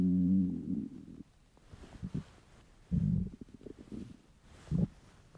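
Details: Male, hungry: low gurgling belly rumbles and a drawn-out growl; borborygmi, typical hunger stomach rumbling.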